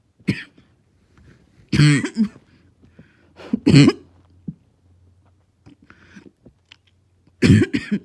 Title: Barking Cough